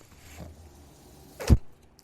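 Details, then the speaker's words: Steady low motor hum, then a brief sharp puff and click as the speaker's own mechanical ventilator cycles during a podcast recording; mechanical ventilator noise. "my name is that noise you're hearing is my ventilator welcome to only what you take with you"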